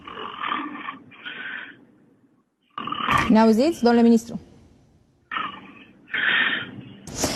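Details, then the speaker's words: Romanian agriculture minister falling asleep during a live TV phone interview: loud, rough, noisy breaths in repeated bursts with one groaning voiced snort, heard over the phone line; loud snoring. "ปรากฏว่ามีเสียงกลดังลั่นออกมาที่ปลายสายผู้ดำเนินรายการนะครับจึงรีบตัดบทไปทันทีพร้อมบอกว่าจะติดต่อกลับไปหารัฐมนตรีเกษตรอีกครั้ง"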